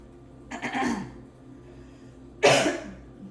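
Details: An adult woman with a cold of a few days, now improving, clears her throat and then gives one sharp, dry-sounding cough over a quiet room hum; a simple cough.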